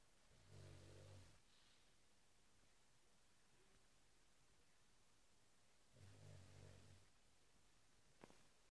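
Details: Oskar, a pug, gives two deep, low, rumbling snores about five seconds apart while asleep, with quiet breathing in between; snoring.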